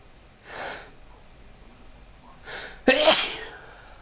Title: Morning Sneezes